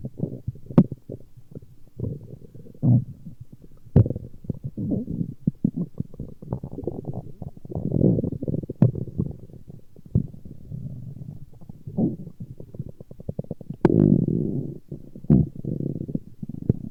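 Continuous low gurgling, bubbling and rumbling with scattered pops; ordinary stomach growling from gas and fluid moving through the gut.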